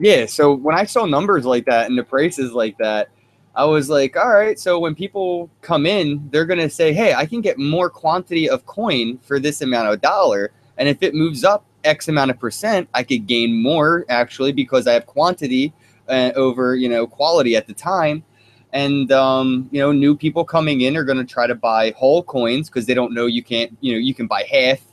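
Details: Adult male speaker; ordinary speech.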